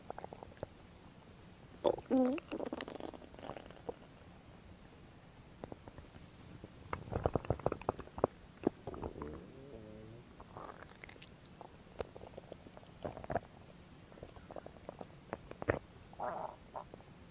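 Scattered soft gurgles, squeaks and clicks over quiet hiss; ordinary stomach growling from gas and fluid moving through the gut.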